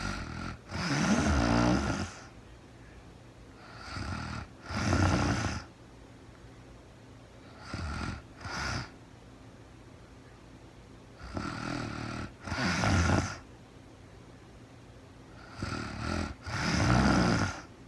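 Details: Woman snoring during real-time overnight sleep, recorded as sleep-aid white noise; rasping snores in paired breath-in, breath-out bursts at about 15 breaths a minute, with a quiet room between; ordinary sleep snoring.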